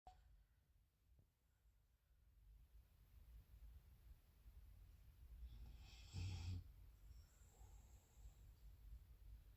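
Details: Sleeping dog's deep, rumbling snore, said to sound like a grown man, with one harsh, noisy snort standing out.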